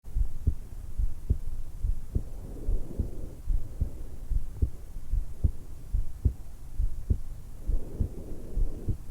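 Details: 20-year-old woman just after waking, lying supine in bed, stethoscope microphone on the suprasternal notch: normal, steady, regular heartbeat at about 73 per minute, with soft breath sounds swelling in and out.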